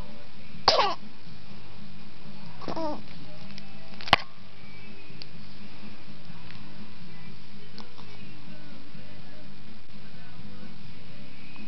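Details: Baby sneezing while lying on a floor gym.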